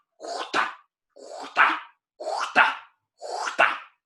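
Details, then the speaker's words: Systolic murmur: regular heart cycles near 60 a minute, each opening with a blowing murmur right at the start before a sharper closing sound. "Estão vendo? É um sopro bem no começo. Ele começa com o sopro."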